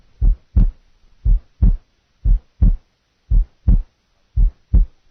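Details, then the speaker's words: Simulated heart sounds from a nursing assessment demo, slow regular rate near 57 per minute: paradoxical splitting of the second heart sound, split audible on expiration and single on inspiration. "now to a paradoxical second sound the split is audible on expiration the sound is single on inspiration expiration"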